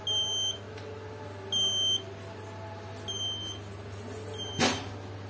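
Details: Pulse monitor beeping: short electronic beeps, one per detected pulse, from a student-built microcontroller heart rate monitor with a finger sensor and Bluetooth output, about 40 a minute and somewhat irregular, with a faint room hum.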